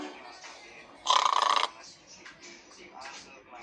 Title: Shaun The Sheep Snore-Worn Shaun